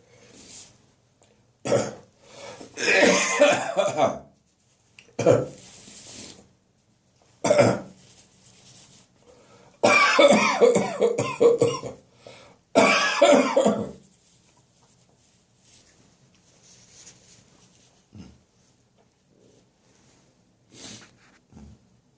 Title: Autumn Morning Coughing & Gagging 2